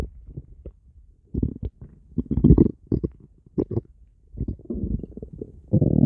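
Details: Ordinary stomach growling: low gurgling rumbles and bubbling squelches in irregular bursts and gaps, ending in a longer rolling growl (borborygmi).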